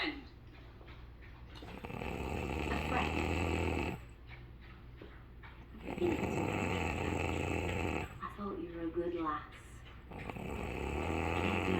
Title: My darling flower snores